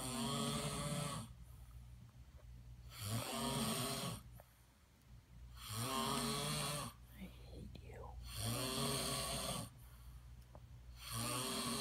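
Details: Snoring.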